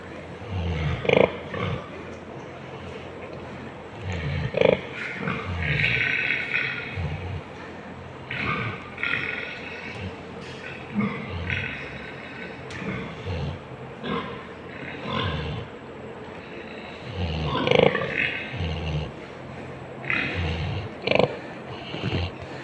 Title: Sleeping Pig Snoring